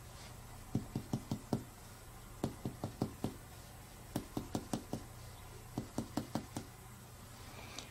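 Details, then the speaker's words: Percussion of the lower right chest, moving down from the second intercostal space along the midaxillary line: resonant note changes to dullness, marking the liver's upper border; percussion then repeated from below upward for the lower border to gauge liver span. "طيب بعد كده اول ما الاقي الضلنس يبقى ده الابر بوردر بتاع ايه، بتاع الليفر."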